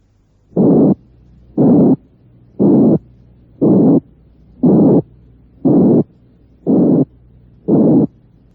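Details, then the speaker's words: Teaching demonstration at about 59 a minute of harsh, wide-frequency-band murmur bursts. This is the harsh murmur associated with aortic or pulmonary stenosis, a stenotic ejection murmur. "soplo áspero que asociamos con la estenosis aórtica y"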